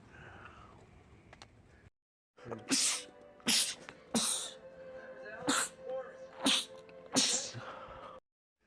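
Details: Male, from a compilation of rapid sneezing attacks in men: six sharp, explosive sneezes over about five seconds, with a steady hum and faint music behind; rapid sneezing fit.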